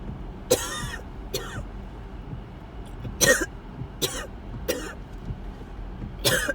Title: Coughing Fits while headed to ER